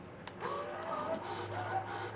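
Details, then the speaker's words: Electric breast pump assembled and switched on for single or double pumping, running with steady low motor hum and rhythmic rising and falling suction whooshes; suction level adjusted by knob from low to high. "and you can hear that the pump is operational the suction level on the pump is adjusted with this knob from low to high"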